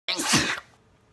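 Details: Single sneeze: one sudden, loud, explosive sneeze with a quick hissing burst fading within half a second.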